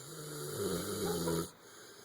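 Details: Dog named Thor lying on his couch after a long day, snoring: one low, rumbling snore with steady room noise.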